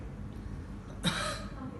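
A single short voluntary cough on request, over faint room noise and talk, part of a routine abdominal examination.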